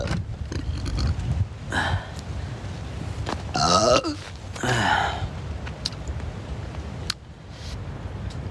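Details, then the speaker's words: Long, loud, rumbling voiced belch over faint room noise; the person describes stomach and gut trouble, with frequent belching and flatulence, since eating about 20 crayfish and live river shrimp with shells on a livestream. "我大哥是肠胃不好，以前吃龙虾嘛，不是，把胃吃坏了，老是打嗝放屁。"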